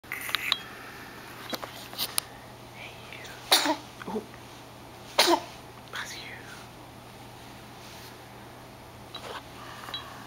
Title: Sneezing, Yawning and ...